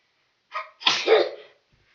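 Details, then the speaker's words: Person deliberately trying to make themselves sneeze with their eyes open lets out one powerful sneeze after a short in-breath, then says they definitely closed their eyes; a single self-induced sneeze. "Okay, I definitely closed my eyes. Like, that was a powerful sneeze,"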